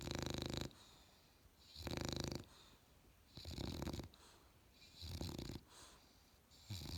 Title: Australian Bulldog puppy snores